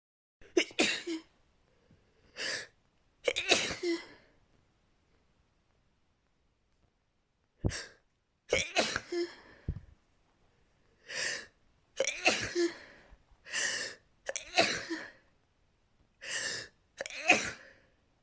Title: rapid chhinkni sneezing fit